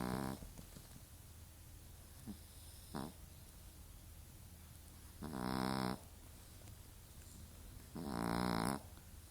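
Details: Tiny, very mixed-breed female foster dog asleep, snoring loudly with drawn-out buzzing noises and shorter snorts between, over faint room noise.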